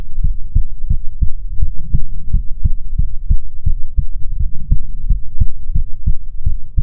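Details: ASMR heartbeat recording offered as soothing content: steady, deep, regular heartbeat thumps at about 90 beats a minute, loud and close; normal heartbeat.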